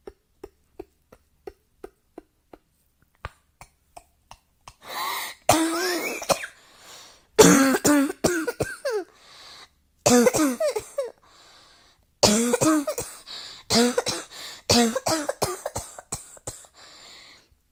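Faint ticking at first, then repeated bursts of harsh coughing and throat clearing in clusters.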